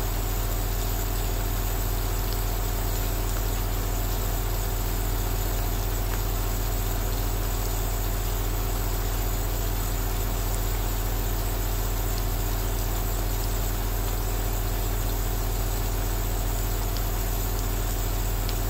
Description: 2H of relaxing ASMR Aerosol nebulizer sound while outside it's raining